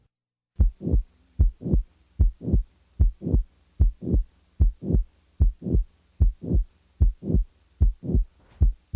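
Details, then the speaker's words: Simulated regular heartbeat, 75 a minute, blowing late systolic murmur running into the second sound, as heard in mitral valve prolapse, best with diaphragm at the apex; murmur added then removed. "the following example will display such a late systolic murmur the murmur will be added and then removed from the cycle"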